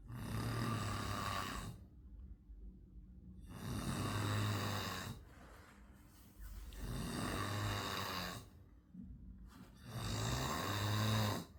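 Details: Loud, rough, rattling snores with each breath, about four in this stretch at roughly 18 breaths per minute, quieter breathing between them; typical snoring.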